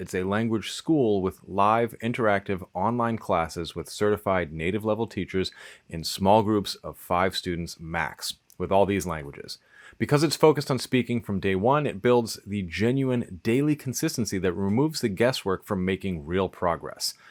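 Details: Adult male speaker; normal speech.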